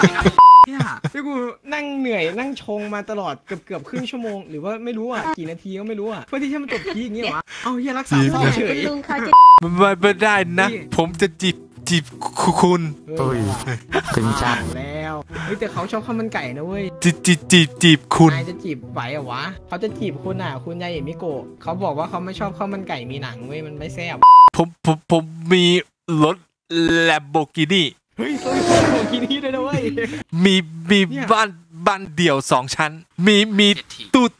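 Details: Male player deliberately faking a stutter as a prank, with repeated words and syllables; finding: stuttering (imitated).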